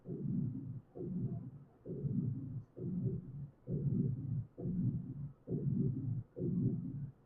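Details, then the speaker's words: Holosystolic murmur (HSM) played during a clinical cardiology teaching seminar, alongside visible jugular pulsation linked to pulmonary hypertension; the murmur is described as typical of mitral regurgitation, heard all over the chest and back. "You're listening this sound holo systolic murmur. HSM holoysistolic murmur."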